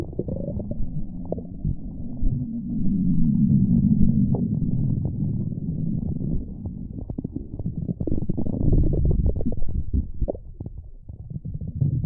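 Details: Stomach growling: low, continuous rumbling and gurgling that swells and fades.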